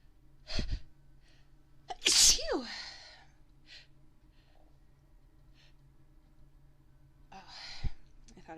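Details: Woman's candle-induced sneeze: a sharp sneeze with a short vocal tail and quiet breaths before and after; ordinary sneeze.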